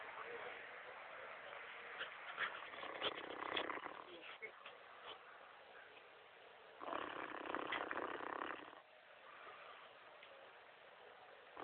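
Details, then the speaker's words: A pig snoring: two long, rough, rattling snores with quieter noisy breathing between them, in a muffled recording. "vamos a proceder en este momento a escuchar a un puerco roncar a un puerco roncando"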